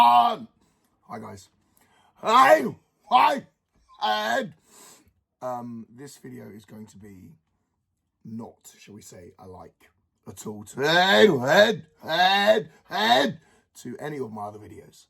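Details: Adult male with Tourette syndrome causing involuntary vocal tics (sounds, sometimes swearing) and motor tics, plus OCD, ADHD traits, autistic traits and depression; tics worsen when he thinks about them; Tourette syndrome (vocal tics).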